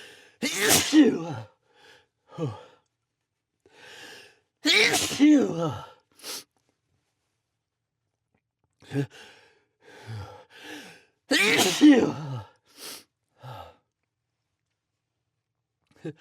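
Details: Three forceful adult sneezes induced with Chhinkni sneezing powder, each preceded by short catching inhalations, with quiet breathing and sniffing between; nose blowing follows.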